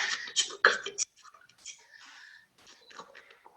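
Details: 58-year-old man and former smoker, diagnosed with laryngeal cancer in 2003, who had his vocal cords removed with a tracheostomy and has had a tracheoesophageal voice prosthesis since 2011; without occluding the prosthesis, only breathy, whispered, voiceless sound (aphonia after total laryngectomy).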